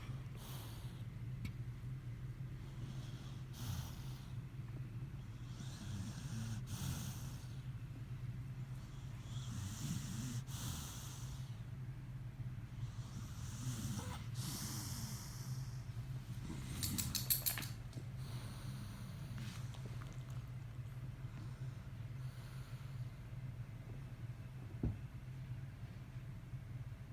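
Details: A child 3 days after surgery, recorded at 7 pm, has noisy, hissing breaths at about 18 a minute over a steady low machine hum.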